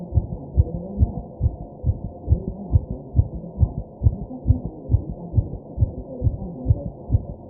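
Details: Own fast heartbeat recorded while taking deep breaths, with background noise: steady, rapid low thumps around 130 a minute over a muffled hum.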